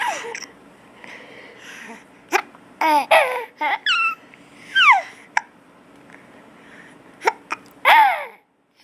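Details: Male hiccupping amid giggles and squeals in a quiet room, finding his hiccups funny; abrupt short catches interrupting laughter.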